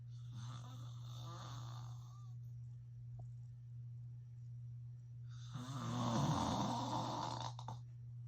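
Two loud, rough, rattling snores on inhaling, separated by a quiet pause, over a steady low hum.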